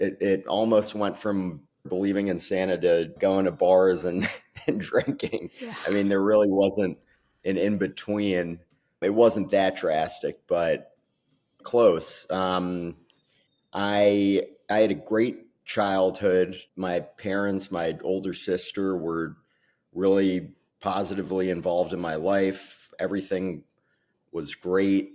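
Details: Adult man speaking; ordinary speech.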